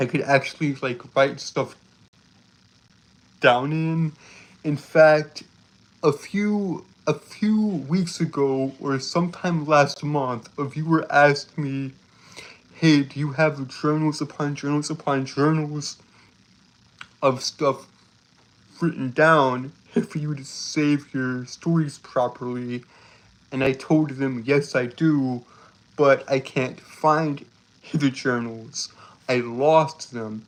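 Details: Male streamer who reports a speech impediment that makes him stutter and trip over his words; repeated phrases are audible; stuttering.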